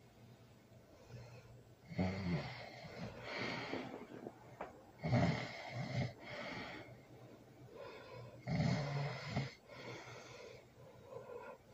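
Loud, rattling snores on each breath, about four breaths in twelve seconds, with a rough snorting quality; heavy snoring during sleep.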